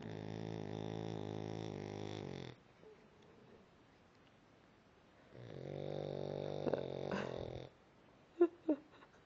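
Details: Two long, deep, buzzing snores a few seconds apart in a quiet room, then a couple of faint clicks; one sleeper snoring while another sleeps.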